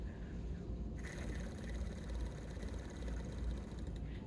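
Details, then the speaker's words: An adult demonstrates an Acapella oscillating PEP airway-clearance device. One forceful exhalation of about three seconds gives a rapid fluttering 'chugga' buzz of vibrations meant to loosen lung secretions. "you can hear that chugga chugga chugga chugga chugga chugga chugga. Those are vibrations that are knocking around inside my lungs."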